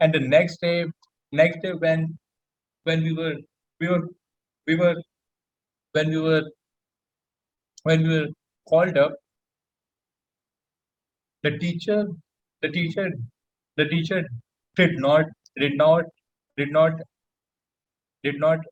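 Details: Adult male introduced as a person who stammers, speaking on a public-speaking panel with frequent word and phrase repetitions; stuttering (stammering).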